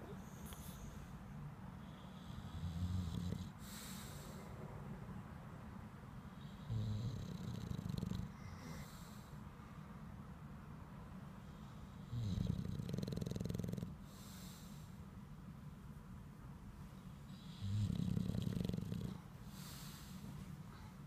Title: I snore therefore I am Morrissey the bulldog